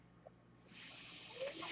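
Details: Real recording of a podcaster's own mechanical ventilator audible while he talks: a quiet pause, then a steady rising airy hiss of pushed air as the ventilator delivers a breath.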